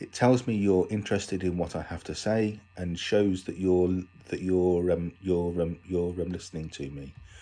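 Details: Adult man with a stammer reading a self-written piece for International Stammering Awareness Day about how it affects him; stammering.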